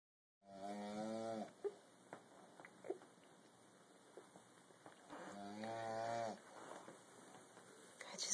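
Two long, droning, tonal snores about five seconds apart, with faint clicks and rustles between them: snoring in a sleeping person.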